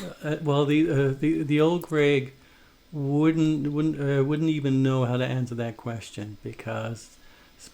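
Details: Stuttering in an adult man who stutters and is a former covert stutterer, with audible word repetitions.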